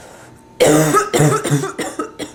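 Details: Sick adult woman with bronchitis, stuffy nose, sore throat and fever gives a quick run of about five harsh, voiced chest coughs.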